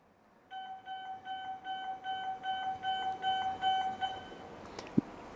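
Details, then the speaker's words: Heal Force EB03 electrosurgical generator demonstration: rapid repeating two-tone alarm beeps when the patient return electrode plate comes off the skin, meaning electrosurgery cannot continue because it could burn the patient. "this alarm shows you cannot conduct Sergio anymore because there it can cause burning to the patient"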